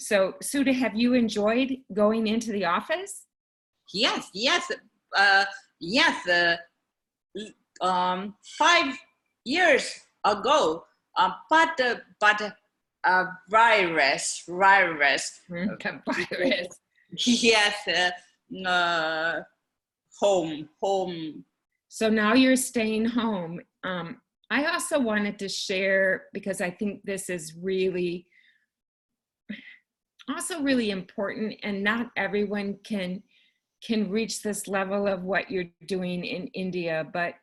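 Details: Adult woman, stroke survivor in India, with aphasia, with her husband as care partner; non-fluent aphasia.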